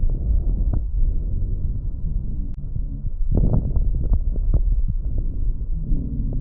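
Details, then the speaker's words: Educational breath-sound recording of coarse crackles, described for COPD, resolving pneumonia, lung abscess and tuberculosis: low, bubbling clicks and pops through the breath cycles. "Anxious crepitation in COPD, resolving pneumonia, lung abscess, tuberculosis."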